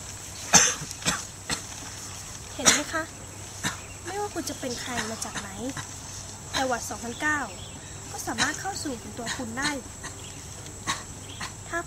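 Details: Staged, acted coughs from an adult in a cold-prevention campaign clip: short, sharp coughs in quick succession, then speech broken up by further coughs.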